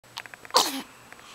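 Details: Infant sneeze: a few soft breathy catches, then one sharp sneeze trailing into his habitual falling "aww" noise, heard after every sneeze, just after the baby woke up.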